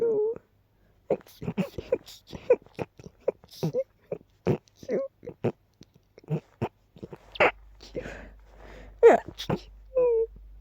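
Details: Sneezing fit.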